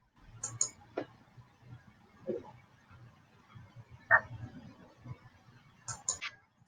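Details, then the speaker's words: Example recording of lung crackles (crepitus) as heard on lung auscultation: scattered brief popping and crackling sounds over a quiet, faintly humming background. "when we do long sounds one of the sounds that we hear in the lung sometimes is called crepitus and I'm going to play what crepitus sounds like so that you get an idea what we're talking about"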